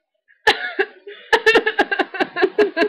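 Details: A female trying to sneeze with her eyes open: a brief burst followed by a run of short, choppy expulsive sounds, likely coughing or laughing; cough.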